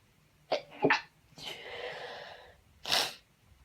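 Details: Uncovered, unedited sneeze, marked (F): two short catching breaths and a drawn-out breathy build-up, then one sharp, explosive sneeze.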